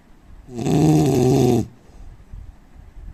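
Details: Adult Indian man snoring: one loud, harsh, rattling snore lasting about a second, then quiet breathing and faint room noise.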